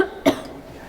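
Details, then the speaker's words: Woman coughing during a night-time paranormal investigation in a former crown court building: a single short, sharp cough in a quiet room, followed by near silence; she then apologizes for coughing. "- I'm so sorry for coughing. - You can't help that."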